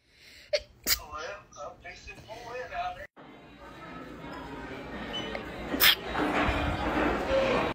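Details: Two sharp, explosive sneeze bursts over talking, steady room noise and some music; sneezing.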